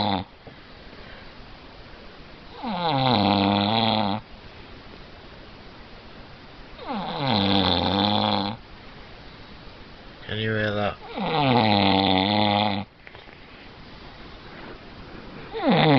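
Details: Loud, rattling snores on each inward breath, about 14 a minute, separated by quiet pauses, with soft music and room noise behind; snoring.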